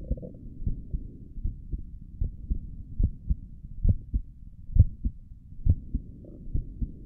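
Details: ASMR recording of the creator's own heartbeat through a stethoscope on the chest, stomach gurgles also present: soft paired beats at about 67 a minute over a low rumbling background; normal heart sounds.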